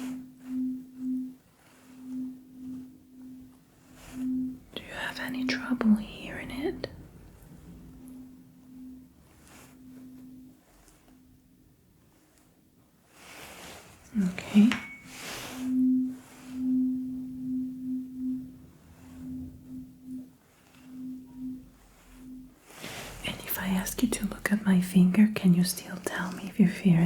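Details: Simulated ASMR roleplay of a cranial nerve and ENT exam, hearing check: steady ringing tone of a struck tuning fork near the ears, with soft handling sounds and faint whispers.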